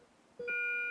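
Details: Simulated trauma scenario, 40-year-old male after a motor vehicle accident with chest and leg pain, difficulty breathing, and absent left breath sounds suggesting pneumothorax: a single steady electronic tone from a pulse oximeter monitor.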